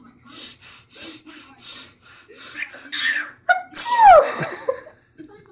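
A run of tiny, quick puffing sneezes from a small bird, followed by chirps and whistles. Repeated sneezing in a cockatiel.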